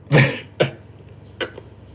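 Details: Three short, harsh coughs from an adult who is still sick while traveling, the first loudest, then two weaker ones; a cough during a cold.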